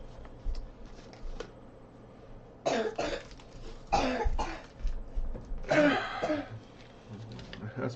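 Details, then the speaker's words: Adult man with an ongoing cough gives several short coughs and throat clears in a small room: cough with throat clearing. "I need coffee really should be drinking like tea and honey but you can hear the lovely cough that I've been dealing"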